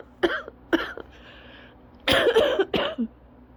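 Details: Cough variant asthma in a long-lasting attack of about five harsh, forceful coughs in quick bursts with a brief pause; cough variant asthma coughing fit.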